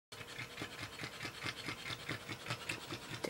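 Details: Dog passed out asleep (labeled as snoring): rapid, shallow, regular breaths at roughly 140 a minute; panting.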